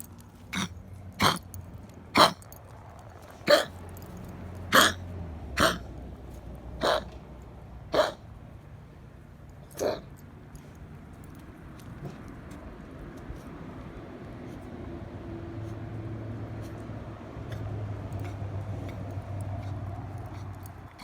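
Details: Milly, a 10-year-old, 9 lb small dog, coughing for 5 days and on Clavamox, gives a run of about nine sharp, dry coughs; owner suspects kennel cough/bordetella bronchitis, not vet-confirmed.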